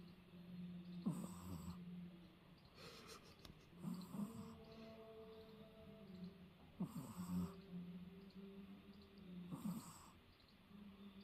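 Soft rhythmic snorting breaths about every three seconds from a sleeping small dog, with faint background tones: snoring.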